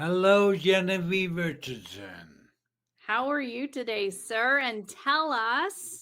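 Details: Adult woman speaking; normal speech.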